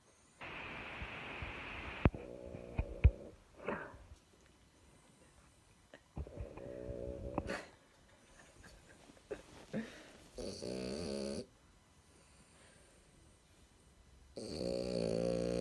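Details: Sleeping French bulldog, eyes occasionally opening while still asleep, gives rough, buzzing snores in irregular bursts separated by quiet pauses and faint room noise; snoring in a flat-faced breed.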